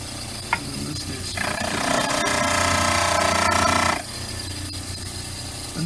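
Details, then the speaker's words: Dental model trimmer with running water, angling the back of an upper study model near the molar: steady motor hum rising to a loud gritty grind for a few seconds as stone presses the spinning wheel. "now there's going to be a little angle on both sides of the back to get rid of this stuff sticking up and i'm being very careful not to get too close to the the back tooth there the molar"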